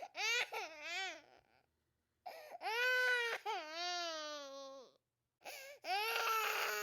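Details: Three bouts of loud, high-pitched infant crying with rising and falling wails, separated by brief pauses for breath, from a sound-effect recording.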